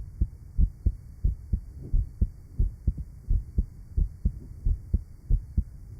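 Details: Real 1955 heart sound laboratory recording at the apex of a patient with rheumatic heart disease and mitral valve disease: low, somewhat irregular heart sounds on an old recording.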